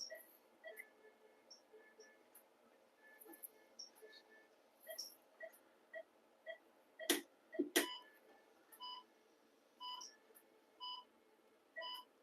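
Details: Phacoemulsification machine beeps and short tones with two sharp clicks while changing settings (vacuum 400, single port) during cataract surgery in a 6-year-old female diabetic dog; normal operating tones.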